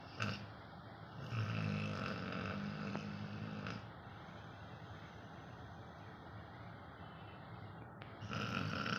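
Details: Labrador dog named Lucy, sleeping: continuous low rumbling, fluttering breath noise with a brief snort; snoring.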